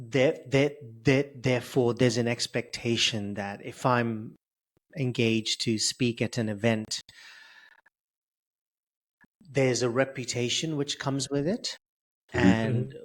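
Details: Adult male public speaker who has stuttered since age 10, with blocks, prolongations and repetitions; here repeating words; stuttering.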